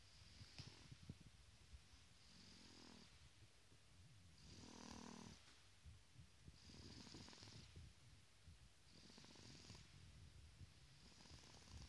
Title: 4 months old baby snoring